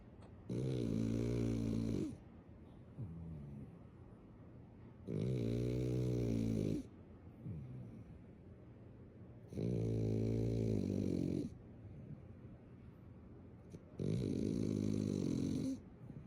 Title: So you want a #Frenchie? Turn up the Volume. Frenchie snoring! #dog #viralvideo #frenchbulldog